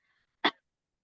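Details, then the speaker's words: Demonstration of an ordinary reflex-style cough, contrasted with the gentler huff cough, at a support group for chronic lung conditions: a single short, hard cough with sharp onset against closed vocal cords. "So, often when we cough, it's a reflex. We don't have to think about it. We close all our vocal cords and we cough."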